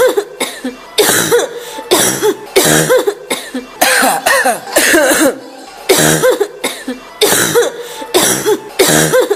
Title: woman coughing sound effect